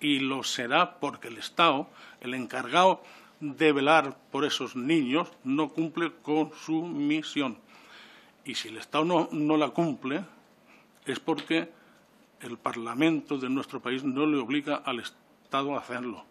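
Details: Adult man who stutters (real, self-reported), speaking before a parliamentary commission; stuttering.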